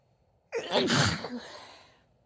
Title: Merry Christmas Sneezes (f)